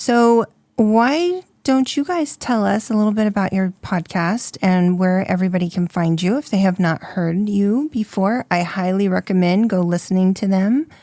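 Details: Adult woman speaking; Normal voice.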